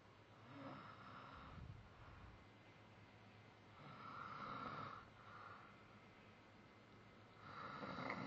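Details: Snoring during sleep: soft, rough breathing noises recurring every few seconds against a steady room hum.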